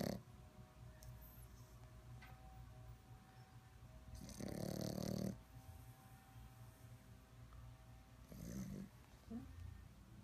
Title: Lhakyi the snoring pup, no music needed ..